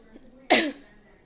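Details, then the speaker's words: Nursing demonstration of voluntary effective cough, taught alongside pursed-lip and diaphragmatic breathing: a quiet breath in, then a single sharp, forceful cough burst for airway clearing. "yang ketiga pernapasan batuk efektif pernapasan batu efektif ini kita menarik nafas atau spontan kita langsung melakukan pembantukan contohnya"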